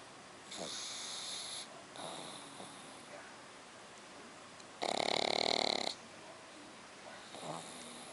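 Loud, hissing, raspy snores from a sleeping pug puppy, one much louder and harsher than the rest; noisy breathing typical of flat-faced dogs.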